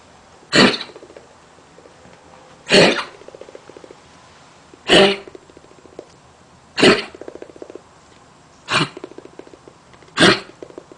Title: chronic cough